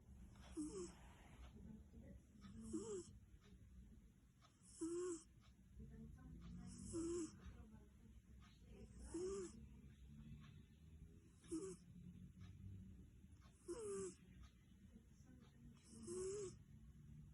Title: Храп кошечки. Snoring cat😹🙀